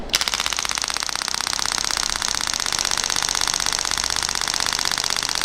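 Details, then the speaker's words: Compression (radial) shock wave therapy device, 600-shot preselection, frequency increased: rapid even mechanical clicking at about four shots per second. "And off I go. Basically, it's as simple as it comes. And when I stop, when I press, it goes. When I stop, it stops."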